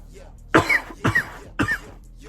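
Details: Three harsh coughs in quick succession, each a double burst, right after inhaling vapour from a Fire OG plug-and-play cannabis vape pen; cough.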